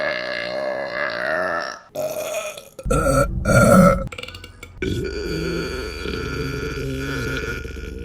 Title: Burping Compilation July 2023 #4 | RBC